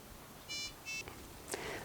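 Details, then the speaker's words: Two short electronic beeps in a quiet room as a syringe driver's information button is pressed and held to lock the keypad after starting the infusion; prime-and-load setup training demonstration; syringe driver keypad lock beep. "I now need to press and hold the information button to lock the"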